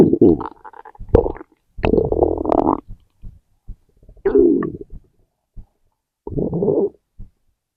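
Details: Irregular gurgling and squeaky bursts with short pops between them, stomach growling (borborygmi) from gas and fluid moving through the gut.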